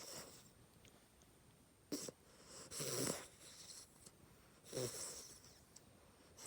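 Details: Small pet dog asleep on her owner, snoring softly with rasping sounds; three breaths drawn in with a rattling sound over quiet room noise; snoring.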